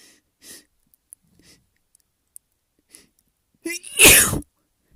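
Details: Sneezing fit with buildups: several quiet catching breaths build up, then one loud, explosive sneeze; sniffles and snotty nose.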